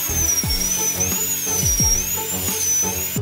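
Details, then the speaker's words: Small dental drill removing deep residual decay near the tooth nerve in a cavity prepared for a gold inlay: high-pitched whine with brief pitch dips as it cuts, over background music. "医生换上小钻头继续去除，腐质已经靠近了牙神经，过程中要尽量小心。"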